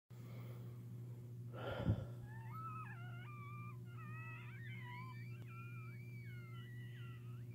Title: ASMR WHEEZING